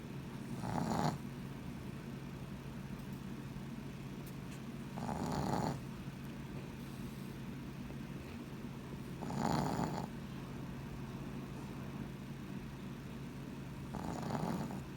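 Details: Snoring in a sleeping dog: a regular buzzing snort on each breath about every four and a half seconds, roughly 14 breaths a minute.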